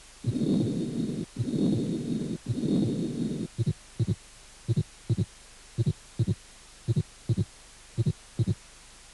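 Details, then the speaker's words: Wide, fixed splitting of the second heart sound. "desdoblamiento amplio y fijo del segundo ruido"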